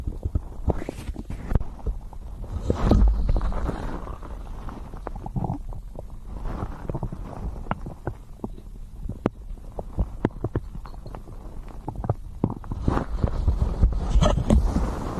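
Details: Continuous low rumbling and gurgling with frequent crackly pops: a long run of real stomach growling in an ASMR recording; ordinary digestive sound.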